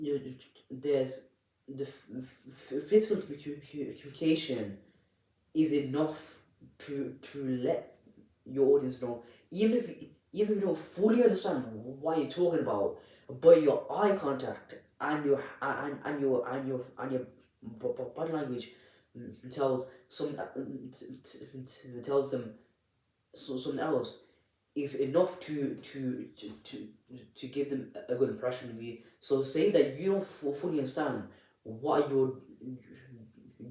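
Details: Adult man with a stammer (stuttering) speaking unedited, with audible repetitions of words and phrases; stuttering.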